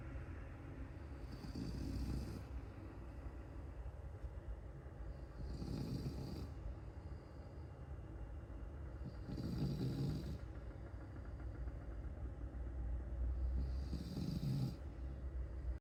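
Rhythmic low snoring with a hissy edge, four snores in about 16 seconds, roughly 15 breaths a minute, from a sleeping flat-faced dog.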